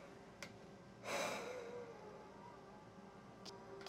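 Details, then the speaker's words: A quick breath in, then a sudden forceful blast of air out into a snorkel-style mouthpiece with nose clips, after normal breathing; forced expiration during a demonstration spirometry test for COPD diagnosis. "Keep blowing, keep blowing, keep going, you’re doing great! Keep going, keep pushing out, keep pushing, keep pushing."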